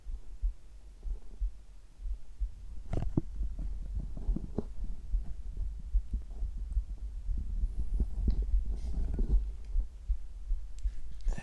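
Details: Soft, low, steady heartbeat thumps mixed with gurgling stomach rumbles and a faint background hum, recorded together; ordinary heart sounds.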